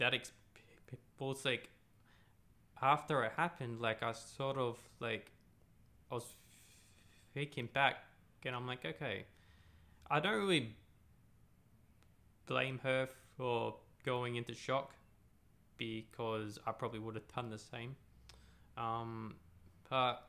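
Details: Adult man who stutters; stuttering.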